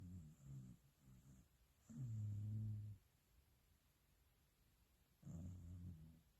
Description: Turn up volume to hear a corgi snoring in deep slumber